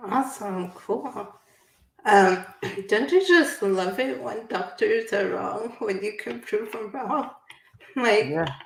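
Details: Adult woman speaking; typical speech.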